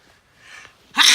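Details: A soft intake followed by a single sharp, hissing burst; one sneeze.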